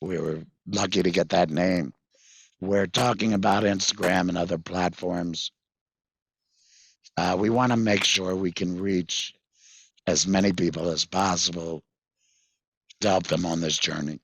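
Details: Tracheoesophageal speech with a voice prosthesis from a 66-year-old man after total laryngectomy in February 2019 for vocal cord cancer, which followed months of hoarseness; prosthesis placed September 2019; he previously used a whiteboard and an electrolarynx.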